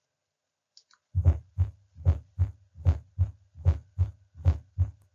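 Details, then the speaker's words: Bell of stethoscope, patient in left lateral recumbent position: regular low heartbeat about 75 a minute with a soft late-diastolic extra sound just before S1, cadence "a stiff wall": fourth heart sound (S4 gallop). "so here again you have the EKG and you notice you have S1 S2 and the S4 does occur in diast but late and diast just before"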